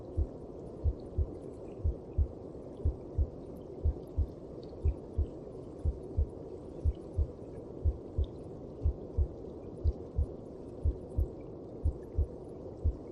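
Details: Heartbeat heard inside the mother's belly: soft, regular low thumps at about 60 a minute under a steady whooshing hum.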